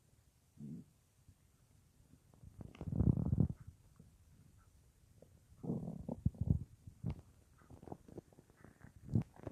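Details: Adult's stomach noises recorded lying on left side at night, about an hour after soup with no full meal that day, phone in front of belly or mic pressed against belly: bowel sounds (borborygmi).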